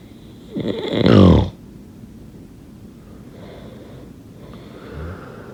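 One loud, rough, rattling snore on an in-breath, then quieter breathing with soft fluttering noise. Ordinary snoring in sleep.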